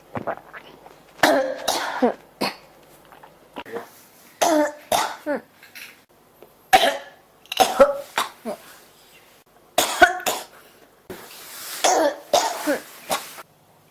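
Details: Cough that won't stop: about a dozen harsh coughs in clusters over fourteen seconds with short gaps between; persistent cough.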